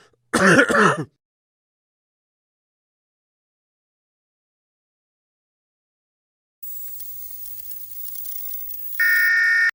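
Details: Adult man gives a single short, rough cough or throat-clearing, then silence, faint hiss and a steady electronic beep; isolated cough sound effect.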